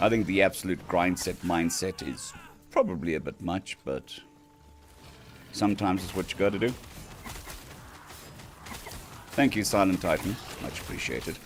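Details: Man on day 2 of recovery stream after vocal cord surgery; cords mostly healed but lacking strength and stamina, physiotherapy pushing the voice, sounds like laryngitis. Finding: dysphonia after vocal cord surgery.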